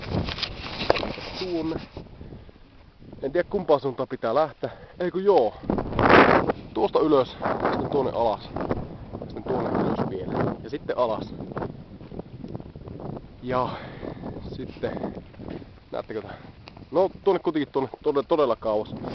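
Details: Adult man who stammers, speaking Finnish outdoors while on the Great Wall of China; stuttering.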